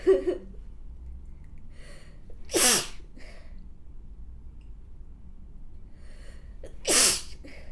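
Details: A model gives two forceful, wet-sounding sneezes in a quiet room, each preceded by a brief catching inhale, after remarking she may have inhaled too much: wet sneezing.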